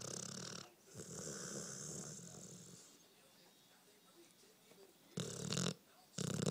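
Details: 1-year-old pit bull dreaming and snoring, recorded on a phone: rough, noisy, irregular snoring breaths separated by quiet pauses.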